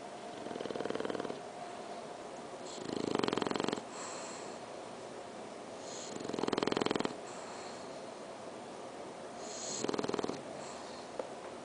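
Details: Pet snoring with eyes open and tongue out: slow rhythmic rough rattling sound with each breath, about 19 breaths per minute; snoring.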